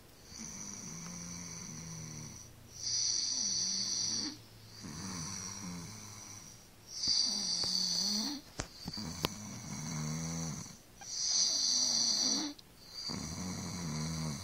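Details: Loud, regular rasping snores with quieter breaths between, about 14 breaths a minute; ordinary snoring.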